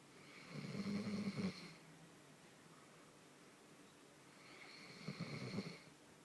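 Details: Exhausted pet snoring after two days missing from home, reportedly possibly hit by a car but with no visible physical harm: two slow, rumbling snores on breathing in, several seconds apart, in a quiet room; ordinary snoring.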